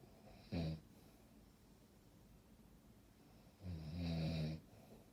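Two low, rumbling snores, one short and one about a second long, with quiet in between. Ordinary snoring during sleep.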